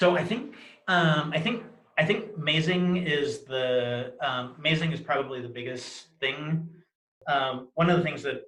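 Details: Adult man describing his own cluttered speech: often hard to understand, self-interruptions to start new stories, filler words; cluttering.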